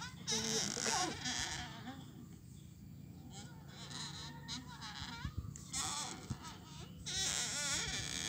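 A baby cries in repeated wavering wails with short whimpering pauses between bursts.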